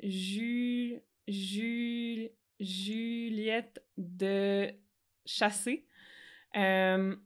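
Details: Adult French-speaking woman who stutters, with stuttering that varies by situation; stuttering.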